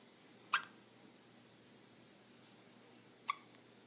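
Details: Two soft, abrupt hiccups about three seconds apart over quiet room hiss from a 4-day-old newborn girl; newborn hiccups.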